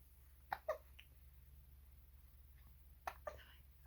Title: why baby does funny hiccups?) 6 weeks old baby cute